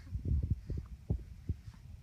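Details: Two-month-old infant with hiccups that take over the whole body, no longer daily: muffled low jolts repeating at uneven intervals.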